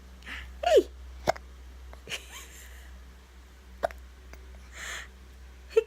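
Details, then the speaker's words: Infant boy, born the previous August, with hiccups for about the third time that day: several short, abrupt little catches at irregular intervals over a steady low background hum; hiccups. "I didn't intend to get the hiccups again he had he comes I think three times today already"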